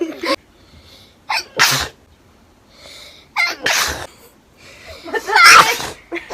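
A run of about four sharp sneezes, each with a quick intake of breath before the burst.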